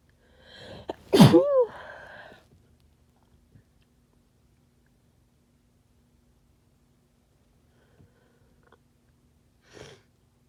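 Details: Person with a common cold needing to blow nose: single loud, harsh sneeze with sharp voiced burst, then quiet with faint sniffs; sneezing.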